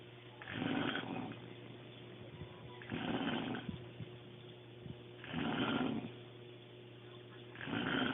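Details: Adult woman (sister-in-law) snoring heavily in sleep: loud, rough snores on each in-breath every two to three seconds, with quiet out-breaths between and room hum.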